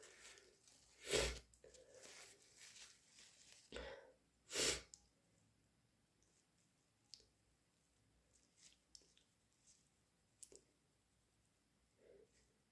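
Two forceful sneezes with breathy build-up, then quiet sniffs and small noises; sneezing deliberately induced.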